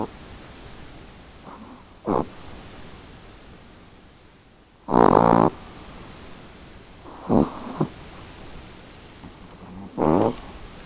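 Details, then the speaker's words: Sleeping Chihuahua snoring: intermittent loud, rumbling snorts separated by quiet breathing gaps. "Looks like somebody's snoring like a truck driver."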